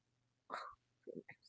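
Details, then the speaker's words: Adult's stomach growling: brief gurgling, squelchy rumbles in quick bursts, a normal sound of gut movement. "my stomach growling. I need you guys to hear that."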